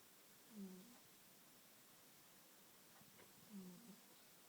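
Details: Two soft, low snores about three seconds apart in a quiet room from Barnaby, a cat, snoring lightly in sleep.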